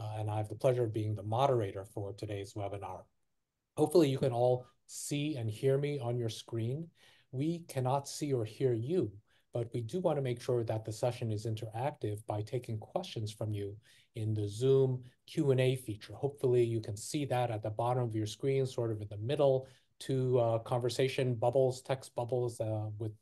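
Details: Adult male speaker; Typical adult speech.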